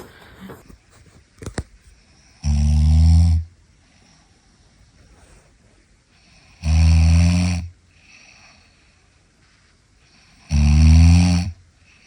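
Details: A wife, who denies that she snores, is recorded by her husband at night while asleep: loud, low snores on each inhalation, about 15 breaths a minute, separated by quiet exhalations.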